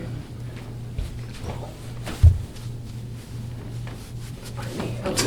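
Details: Shoulder joint pop (cavitation) during a chiropractic adjustment while the patient presses his elbow back; the patient has a snapping scapula, burning pain, and forward shoulder and neck posture after a neck injury from an accident.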